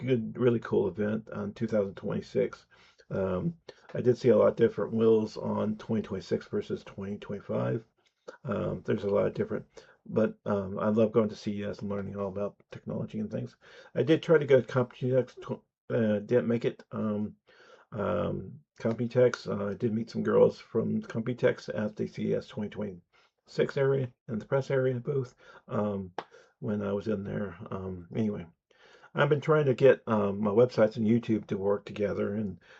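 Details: Speech impediment (disfluent speech), self-reported and audible, in an adult man.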